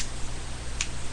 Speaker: Five fingers. One. Let's see if I can crack it. Yeah, there we go.